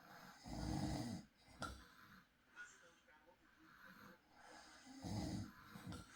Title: Soft night i recorded my husband snoring • Peaceful Night Sleep Sounds – Real Recording